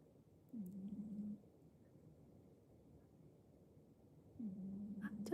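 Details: A sleeping cat snores softly, with a low buzzing rattle on each breath about four seconds apart. The owner says the snoring grows heavier in deep sleep: snoring.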